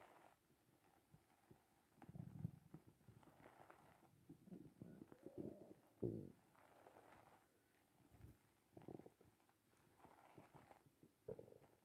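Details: Morning hunger stomach growling: quiet, drawn-out low growls and gurgles coming in waves from an empty stomach; bowel sounds (borborygmi).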